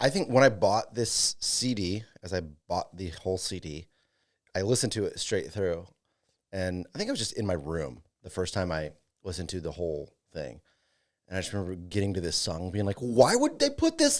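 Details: Adult male speaker; Normal speech.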